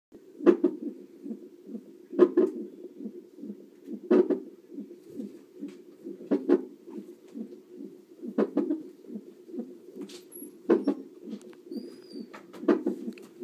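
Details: Fetal heartbeat on a CTG Doppler monitor: fast whooshing beats interrupted by sharp, regular knocks about every two seconds; fetal hiccups.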